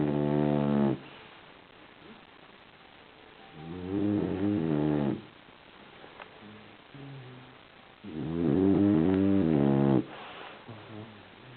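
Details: French Bulldog snoring while sleeping, exhausted: long, droning, buzzing snores a few seconds apart with quiet breathing between; snoring in a flat-faced dog.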